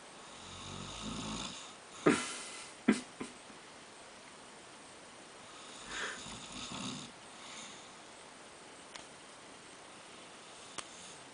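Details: Sleeping person snoring: low, rumbling breath noises come and go over a noisy room background with a few sharp knocks; snoring.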